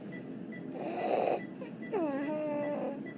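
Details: Child with croup, sleeping, about an hour after nebulized epinephrine, takes harsh, noisy breaths with a high-pitched crowing tone, about three in three seconds: inspiratory stridor.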